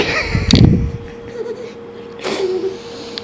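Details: Single sharp sneeze from a cat lying upside-down at home around 4 p.m., followed by quieter voicing.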